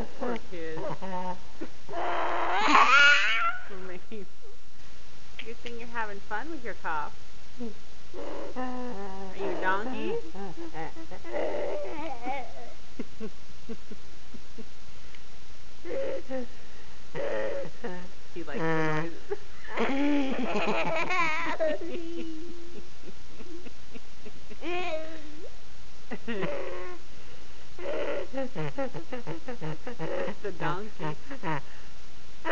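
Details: Young boy with croup making noises and laughing at them: babbling and laughter with rough, harsh noisy bursts of croupy hoarse bark and strained breathing.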